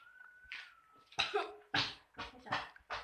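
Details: 11-year-old child with hard-to-expel sputum, taught effective coughing by a nurse after drinking warm water: about five short, forceful coughs in quick succession, a productive effective cough bringing sputum out.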